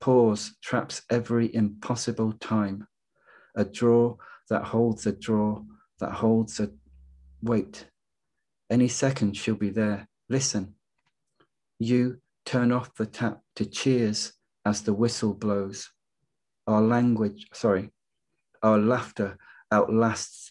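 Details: Adult poet who stammers, speaking in a webinar on stammering and creativity: stammering.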